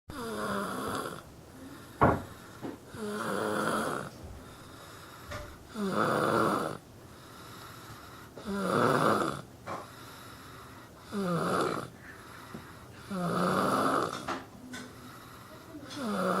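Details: Loud, rattling snores on each breath in, about 23 a minute, with quiet pauses, from a boy sleeping in a basket; ordinary snoring.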